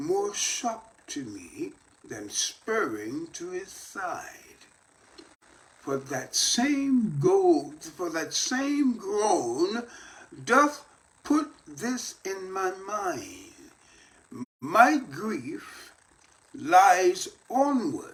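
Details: Post-stroke speech in an adult male stroke survivor reading a Shakespeare sonnet aloud as part of his daily voice therapy practice.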